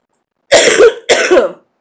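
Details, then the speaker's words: Adult sick with a cold, chest congestion, runny nose and recent chills and fever, now improving: two loud, harsh cough bursts close together; congested cough. "daggone cough but um it's getting better even though I I may not sound that good"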